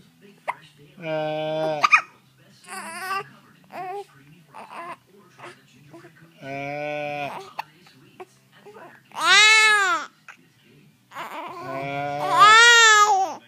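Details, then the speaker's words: Upset infant with hiccups while babbling and trying to "talk": babbling and fussing broken by short, sharp voiced catches. "uh ah he got the hiccups Does he try to talk uh ah you can't talk without the hiccups"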